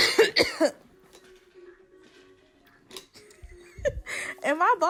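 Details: Cough from a 29-year-old mother sitting behind her almost two-year-old daughter during playtime; the toddler turns and glares at each cough.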